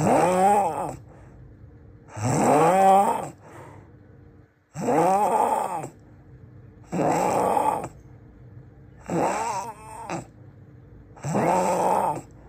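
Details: Very loud snoring, described as the loudest in the world: six loud, rough, groaning snores about 2 seconds apart, roughly 25 a minute, with quiet pauses between.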